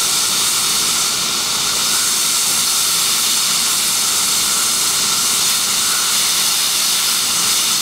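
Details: Maxillary frenectomy with Biolase Waterlase MD on S mode, 7% water, 11% air, under Septacaine: steady, even hissing spray as the water-cooled laser slowly melts away soft tissue.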